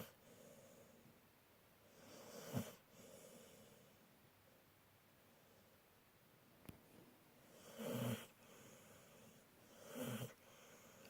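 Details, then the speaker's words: Pit bull dog, a female, said to snore even when awake, especially on owner's lap: three soft, rattling snore breaths over about eleven seconds with quiet breathing between; ordinary dog snoring. "can snore even when I'm awake. Especially when I'm on Mama's lap. My little Pibble princess who snores."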